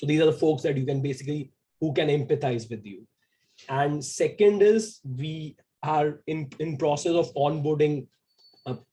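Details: Stuttering in a 28-year-old man who identifies himself as a person who stammers.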